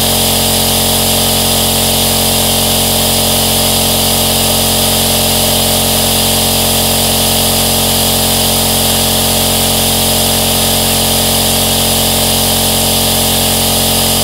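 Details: Steady, unbroken motorized hum with a buzzing whine, the continuous sound of a compressor aerosol nebulizer used as white noise for sleep or soothing a baby: nebulizer running.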